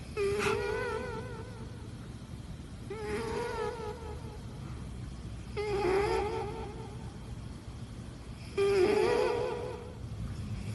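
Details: Cat snoring: four loud, wavering, whistly-buzzing noisy breaths repeating about every three seconds, about 21 a minute, over steady low background rumble.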